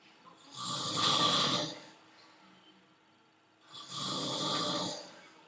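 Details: Adult male hospital roommate in a French hospital snoring while asleep; two loud, rasping snores on in-breaths, about 19 breaths a minute, with quiet pauses; heavy snoring.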